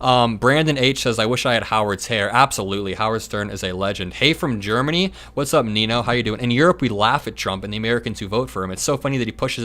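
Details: Adult male speaker; Normal speech.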